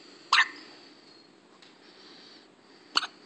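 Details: Two short, sharp hiccup sounds about two and a half seconds apart in a newborn baby, against quiet room noise: ordinary newborn hiccups.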